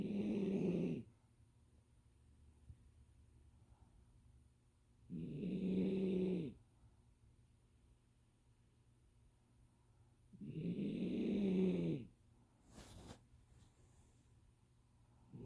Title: Snickers snoring